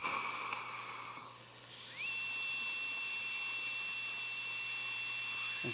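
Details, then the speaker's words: High-speed dental handpiece with a super coarse diamond bur (six-degree taper) cutting enamel on the labial surface during anterior crown preparation in a woman losing many teeth after periodontal treatment: hiss, then high whine rising in pitch and holding steady. "this is a super coarse diamond so I can actually get under the enamel and instead of sanding or grinding something off I'm actually shelling It Off this Burr is only going to impart a six degree taper"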